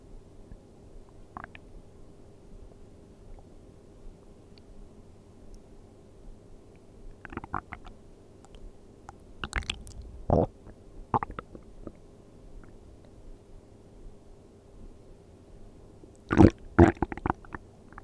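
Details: ASMR of stomach sounds while sleeping on an empty stomach: faint, scattered squelching clicks and brief gurgles, with a denser burst near the end; normal bowel sounds.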